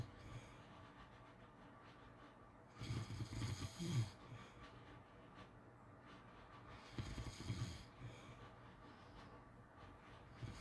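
Two rough, rattling snores on inhalation, about four seconds apart, with quiet breathing between; snoring during sleep.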